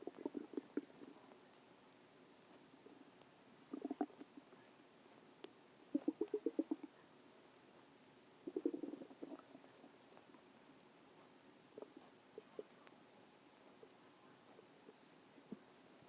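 Several soft gurgling, bubbling bursts with quiet gaps between them: stomach growling, ordinary bowel sounds.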